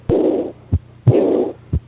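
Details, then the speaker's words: Pediatric teaching example of an early diastolic murmur, as in aortic or pulmonary regurgitation: heartbeat near 60 a minute, with a blowing murmur starting right after the second sound and fading through diastole. "so this is the early diastolic"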